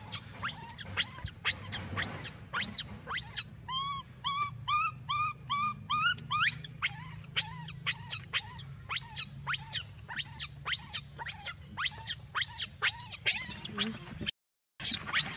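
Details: Continuous rapid high-pitched squeals and shrill chirping cries from a baby monkey in Cambodia; sustained distress crying.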